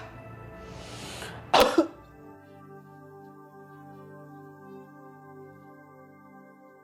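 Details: Effective cough exercise demonstrated by a rehabilitation physician for elderly or pneumonia patients: a deliberate forceful cough after a breathy exhale, over soft background music.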